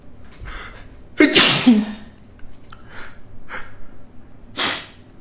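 One loud, forceful sneeze with a sharp inward gasp before it, followed by softer sniffs and breaths.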